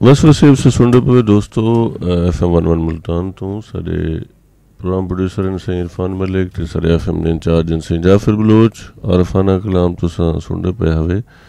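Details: Adult male speaker, radio-style announcement; fluent speech.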